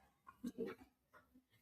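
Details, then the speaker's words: An animal snoring in the background while its owner talks: snoring. "I'm sorry. I know y'all can hear him snoring."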